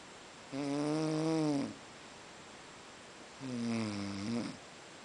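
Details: Snoring after a long day at Boiçucanga: two long, low, rattling tones on breathing in, separated by quiet pauses.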